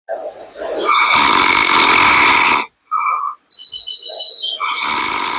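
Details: Acted, exaggerated imitation of a husband's heavy snoring, likened to a grinding machine, in a comedy short: loud, harsh, grinding snore bursts with brief pauses and faint tonal sounds between.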